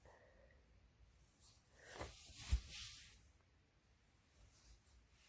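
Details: Adult male sneeze from a compilation: a single wet, explosive sneeze with a brief in-breath before it and a hissing, spraying release.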